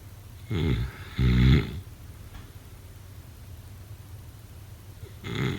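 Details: Snoring during sleep: short grunting snorts, two close together, then another after a pause, over room hiss.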